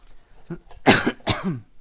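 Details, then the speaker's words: Adult with self-reported bronchial issues: softer throat-clearing sounds followed by two loud, harsh cough bursts. "Pardon my cough, guys. I got some bronchial issues. So you'll hear me coughing and clearing my throat a lot."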